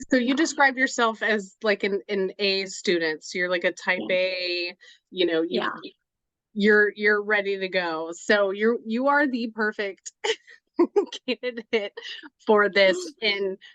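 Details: Adult woman speaking; normal speech.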